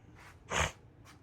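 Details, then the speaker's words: A single short, forceful burst of breath, most likely one cough, with faint breathing, from someone a little under the weather who is coughing on walking outside. "I walk outside I'm coughing my head off I'm a little under the"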